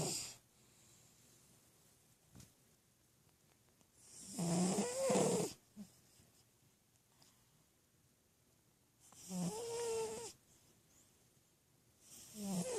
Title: Cat snoring